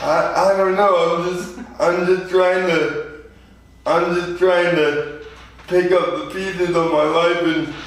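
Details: 24-year-old man with lifelong spastic quadriplegic cerebral palsy following premature birth at 2 lb 4 oz; spastic dysarthria.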